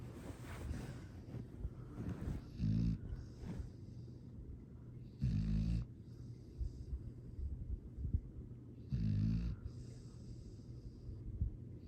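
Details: Happy, relaxed sleeping dog snoring: low rumbling snores with each breath in, about three over twelve seconds; ordinary, sweet snoring.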